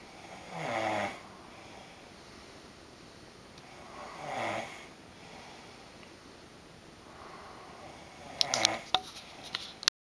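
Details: Adult man snoring in a shared hotel room at night: three loud, buzzing inspiratory snores, about 16 breaths a minute, quiet gaps, faint rustling at the end.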